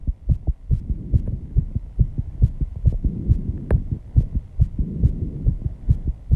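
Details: Own heartbeat after intense exercise with heavy breathing, reported at 134 bpm and audible without the microphone at first: fast, regular pounding at about 135–140 a minute; sinus tachycardia.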